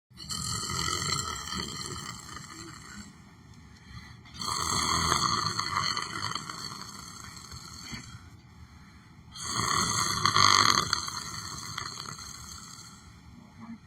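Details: Sleeping person making loud, rough, buzzing snores about every five seconds, roughly 12 breaths a minute, with quieter exhalations between; snoring.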